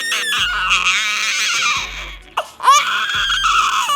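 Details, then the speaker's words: Two-week-old baby boy at a checkup, brought for poor weight gain, crying while his umbilical cord is cleaned: strong, high-pitched newborn crying in repeated bursts with quick breaths between. "Nobody likes their umbilical cord messed with. Hey, buddy."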